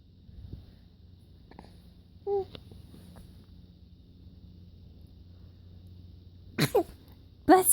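Short, sharp sneeze-like bursts from a baby, imitated in play rather than true sneezes, in a quiet room.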